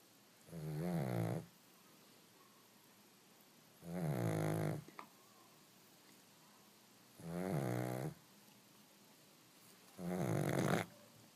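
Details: Sleeping pug puppy napping and snoring: four loud, rough, vibrating snores in a quiet room, about 19 breaths a minute.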